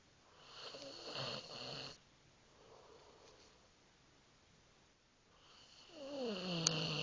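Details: Soft rattling snores on slow breaths in a quiet room, with a pause between them; sleeping pet snoring.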